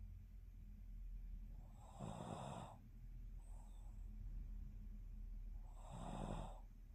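Two loud, rough snores about four seconds apart, each a low rattling vibration with a hissy edge, and a faint breath between them over steady room hum. Snoring.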